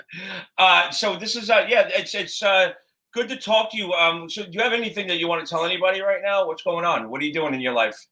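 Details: Adult man speaking; typical speech.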